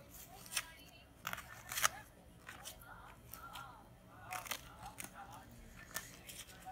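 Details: Plaster arm cast on a broken arm from rugby being cut off with shears: sharp snipping and crunching cracks of plaster over quiet room noise; afterwards the skin is red, with smelly dead skin.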